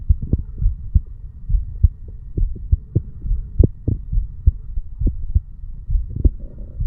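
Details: 35-year-old male sitting on stairs, recorded over the mitral (bicuspid) area: steady low lub-dub thumps at about 68 beats a minute with faint background hum; normal heart sounds.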